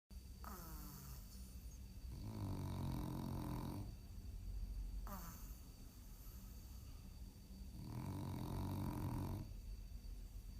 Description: Blanky the french bulldog was in a deep slumber as he laid in his bed. He breathed deeply and lot out some snores while dreaming of something peaceful.